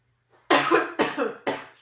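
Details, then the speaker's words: Three short coughs from an adult woman in a quiet room, apologizing that it makes her cough during a live remote energy-healing session; cough. "Je m'excuse, ça me fait tousser."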